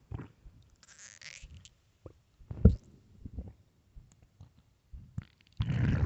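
Low gurgling and rumbling bursts with quiet gaps between them: stomach growling from hunger, a normal bowel sound.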